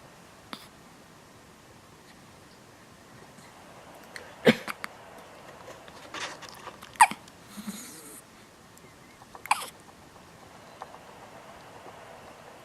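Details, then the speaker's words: Recurrent hiccups, which reportedly happen all the time: sharp, brief hiccup sounds every few seconds, about 24 a minute, in a quiet room. "Hi everyone, Penelope has the hiccups."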